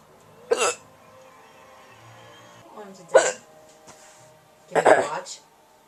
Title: Hiccups.